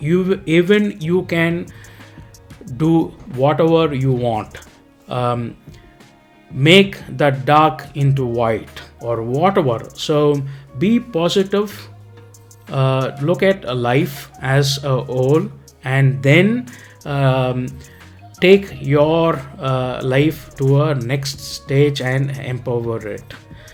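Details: Adult man, ischemic stroke in 2018 with facial muscle impairment, speech lost 4–6 weeks; apraxia of speech (aphasia later ruled out); about 2 years of rehab, speech regained but slower than before stroke: apraxia of speech (residual).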